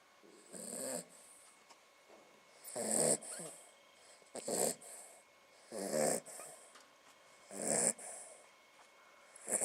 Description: Our dog Bonnie curled up in a basin asleep snoring.